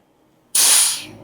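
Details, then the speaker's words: Silence, then a sudden loud gas hiss fading over about half a second as the quick-connect button is pushed to vent residual oxygen from a closed portable oxygen tank's regulator, an EMT skill demonstration: regulator depressurization. "decompressing the remaining or residual oxygen in here, and now it's going to make undoing this a lot easier."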